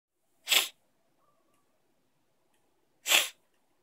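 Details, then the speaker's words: Two sharp, hissing sneeze bursts about two and a half seconds apart in a quiet room; sneezing. "Is he? Is he sniffing? I'm sorry, he sneezed."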